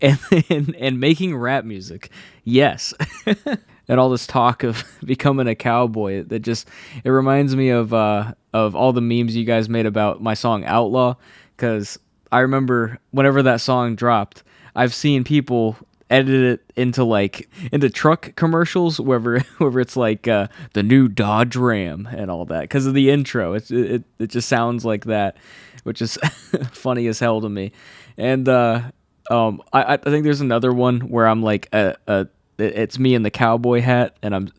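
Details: Adult man who has stuttered all his life since childhood, saw a specialist as a child, and says anxiety worsens it; stutters are left unedited here.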